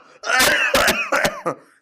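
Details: A run of three or four harsh, voiced coughs from an adult man, acted for a comedy skit set at a doctor's visit for cough medicine.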